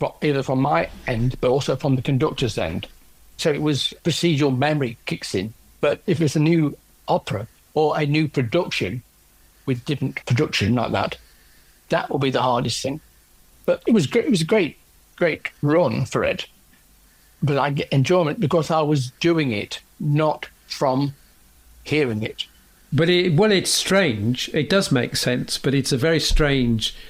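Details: Aphasia in an adult male orchestral percussionist, 10 years after a stroke from a left middle cerebral artery blockage; no speech at all initially, since improved with ongoing practice.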